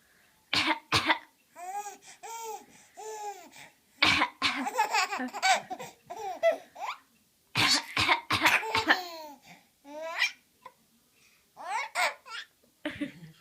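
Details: Baby girl with a bad cough gives repeated short, sharp coughs mixed with high-pitched laughing and babbling.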